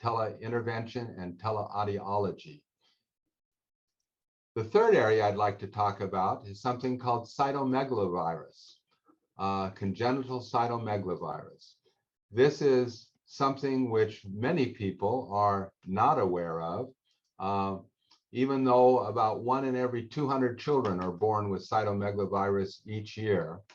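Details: Adult male speaker; normal speech.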